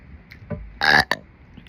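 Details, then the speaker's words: Adult woman burping on purpose for viewers: one loud, drawn-out, voiced croaking belch, then a shorter second burst she likens to a hiccup attached; voluntary eructation. "seems you liked my recent burping calvalry the fuck was that at the end sound like a little hiccup attached to the burp what was that"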